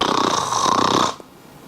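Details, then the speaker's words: A single loud, rattling, snort-like snore imitated by an adult English teacher demonstrating disgusting sounds, not made during sleep; simulated snoring. "that one is a snow snow s-n-o-r-e snore"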